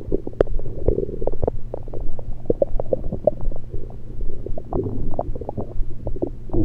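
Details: Abdominal gurgles recorded with a USB electronic stethoscope after only liquids, not during digestion: frequent irregular low gurgles and brief popping bubbles, normal active bowel sounds.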